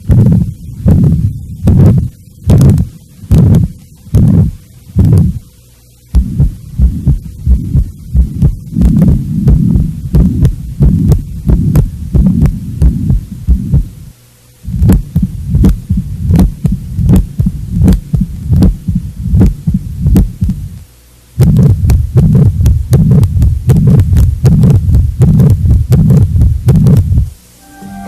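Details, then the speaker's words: Teaching demonstration of the murmurs of the main heart valve lesions: several heart recordings in turn, about 79 beats a minute, with whooshing noise filling the spaces between beats. "vamos ouvir agora os sons correspondentes as principais lesões das valvas cardíacas"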